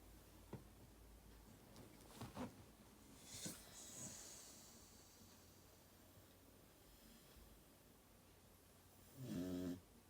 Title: Dog Snoring lol 😂 Hooch